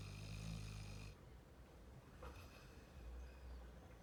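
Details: Sleeping Labrador puppy, said to snore like a grown man: a deep, rumbling snore at the start, then quiet breathing sounds; snoring.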